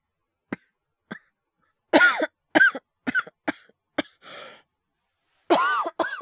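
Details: Acted cough by a male voice actor, part of a wordless cough/illness/hyperventilation voice collection: short throat clears building into several voiced, harsh coughs with gasping breaths between.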